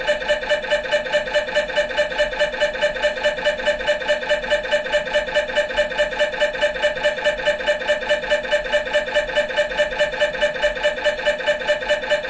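Rapid, very regular loud buzzing knocks, about 140 a minute, with a steady tone: an MRI scanner running an imaging sequence.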